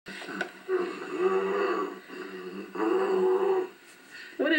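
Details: Loud, droning snoring in irregular bursts with short pauses, from a sleeping mother in a small room.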